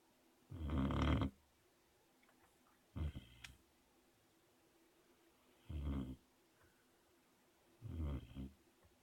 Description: My puppy snores like a seventy year old man with a deviated septum.